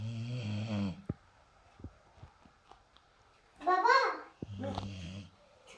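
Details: Snoring breaths with a nasal, whistling edge, separated by quiet pauses, from a sleeping pet dog: snoring.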